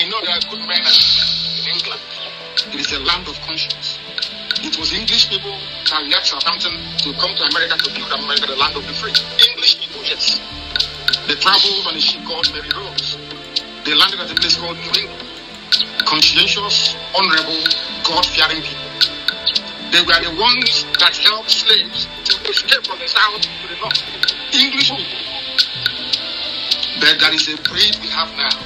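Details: Adult male speaker over background music; normal speech.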